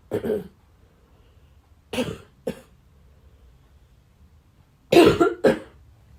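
Five short cough bursts in three groups, the last pair louder and harsher, in a quiet room.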